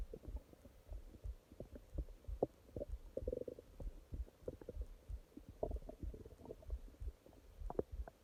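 Low, frequent gurgles and rumbles coming in irregular clusters over a faint steady hum; active bowel sounds, ordinary stomach growling.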